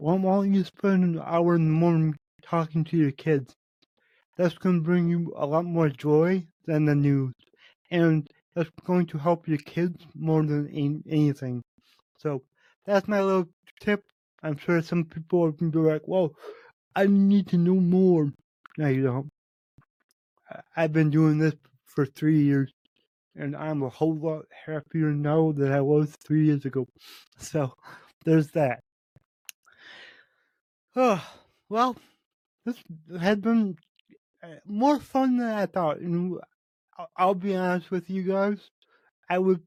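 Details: Adult male podcast host with cerebral palsy, which he says affects every muscle in his body; he says his speech is much better than 8 months ago and improving with better health. Dysarthria (cerebral palsy).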